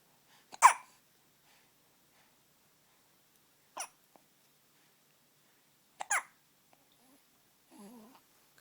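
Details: Three sharp, brief hiccups a few seconds apart, then a soft murmur; morning hiccups.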